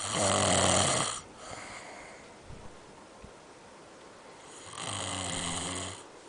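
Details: Two loud, harsh, rattling snores on the in-breath about four seconds apart, with a quiet out-breath between, from a sleeping adult man (a father); heavy adult snoring.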